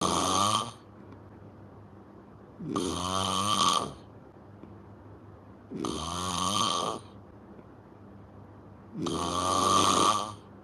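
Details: Four loud, rattling snores from a sleeping person on each inhalation, about 19 a minute, with quiet pauses between and faint room noise: snoring.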